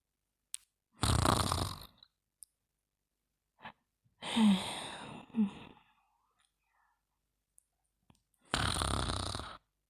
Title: Mimi Yawning and Snoring